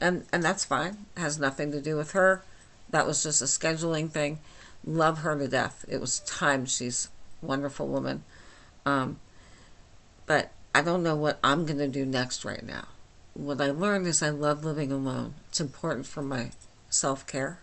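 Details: Dysarthria in an adult woman with myasthenia gravis since age 8, speaking without her usual speech appliance; she says she is understandable but not perfectly.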